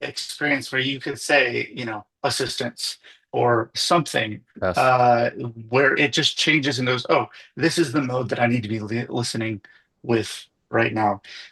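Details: Adult man speaking; typical speech.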